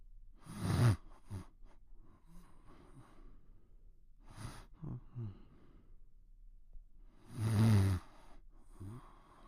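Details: Cartoon sleeping sound effect, The Pink Panther snoring quietly: soft, breathy snorts and sighing breaths every few seconds, imitating quiet snoring.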